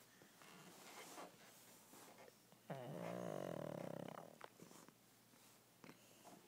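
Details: A sleeping pug snoring: noisy breathing with a loud rattling snore midway.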